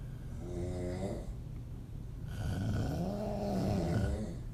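Loud, rough, rattling snores through an open mouth, two long snores with a quiet pause between them. Ordinary open-mouth snoring.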